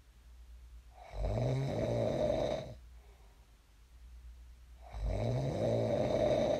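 Two long, rumbling snores about four seconds apart, with quiet breathing between them. Loud, steady snoring in sleep.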